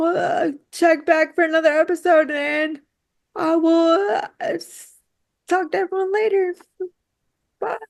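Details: Dysarthria in a woman with quadriplegic cerebral palsy affecting her whole body, with frequent word and phrase repetitions.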